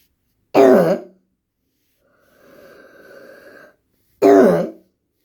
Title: Wheezing